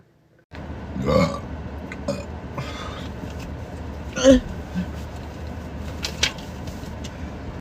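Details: Burping compilation: two loud, deep, rumbling belches over a steady engine-like background, with short pauses between.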